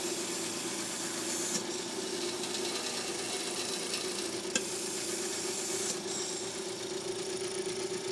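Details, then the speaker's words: IPPB (intermittent positive pressure breathing) machine running during a respiratory care hands-on demonstration: steady hiss of airflow with a constant hum and a few brief clicks; described as purring, though noted to be a leaker. "Oh, it purrs like a kitten. She's a beaut."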